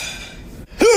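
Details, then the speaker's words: Unusual hiccup from an adult woman: after a quiet moment a sudden loud, voiced gasp-like hiccup bursts out like a sharp intake of air; she says hiccuping hurts. Hiccup, gasping type. "oh my God it sounds like you're gasping for air and like nobody in your family cares what yes what's that what's that that's that sounds painful"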